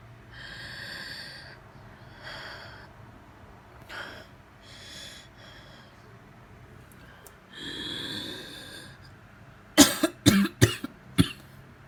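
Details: Adult with asthma, flared after sudden coughing while eating porridge: noisy, hissing breaths with a whistling wheeze on deep breathing, ending in about five sharp coughs.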